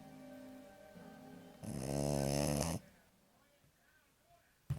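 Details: American Staffordshire Terrier puppy snoring: one loud, rattling snore on the in-breath after a quieter stretch with faint background noise.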